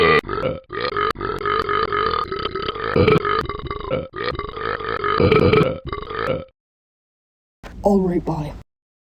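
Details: Deliberate repeated burping: several long, deep, rumbling voiced belches in quick succession, then a short voiced sound.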